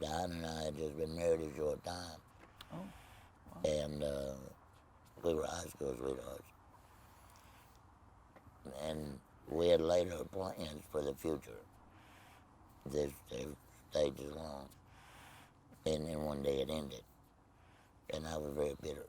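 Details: Tracheoesophageal speech in an adult man after laryngectomy for laryngeal cancer, no voice box, speaking with a Provox voice prosthesis.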